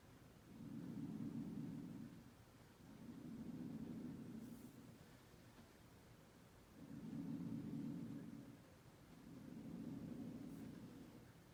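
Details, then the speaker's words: Soft, low rushing breath sounds in even cycles on a patient simulator, auscultated with stethoscope anteriorly then posteriorly, clear in all lobes bilaterally; normal vesicular breath sounds. "so after listening to sam's lungs it sounds like he has clear breath sounds in all lobes bilaterally anteriorly posteriorly and laterally so this lungs sound nice and clear"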